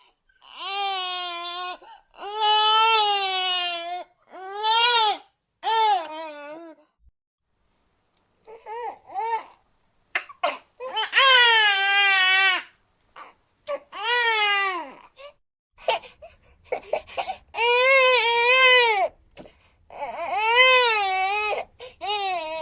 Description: A realistic recording of a baby crying and fussing, ideal for sound design, films, or creative projects that need authentic emotion and atmosphere.